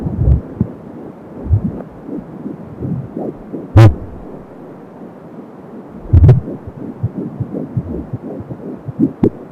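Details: Fetal heartbeat at 12 weeks of pregnancy on an Angel Sound fetal Doppler, about 170 a minute: fast, soft pulsing through Doppler hiss, whooshing umbilical cord sound and a few loud probe bumps.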